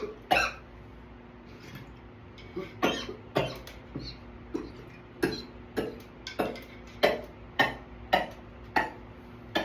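About fifteen sharp, harsh coughs come in quick, uneven succession with little pause between them, a prolonged runaway coughing fit.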